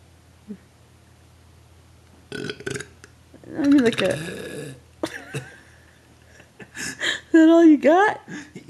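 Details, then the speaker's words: Several loud, drawn-out belches with voiced, wavering pitch amid brief talk in a small room, after many attempts; burping. "Yeah. Okay. You don't want to try for one last epic burp? No, I can't do it again."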